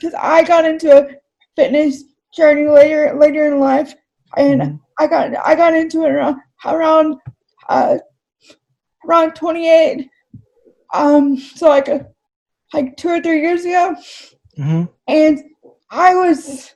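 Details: Dysarthria in an adult woman with cerebral palsy, who says talking takes a lot of effort for her.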